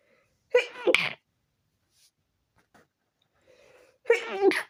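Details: Stifled sneezes with a very tickly nose after the windows were left open overnight: two short, muffled, suppressed sneezes a few seconds apart, with faint breathing between them.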